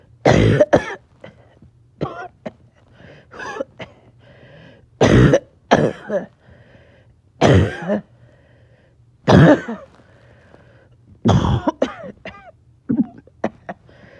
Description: Just a little short of breath. caught back to back fits.